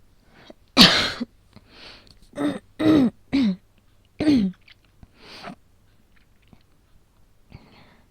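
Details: Person with asthma during a real attack, somewhat exaggerated for a roleplay voice recording, pulse oximeter in use: bursts of harsh coughing with throat clearing and strained gasps between; asthmatic cough.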